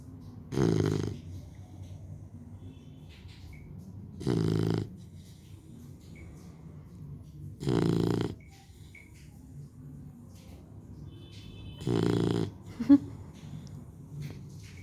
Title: 3 month old lab puppy snoring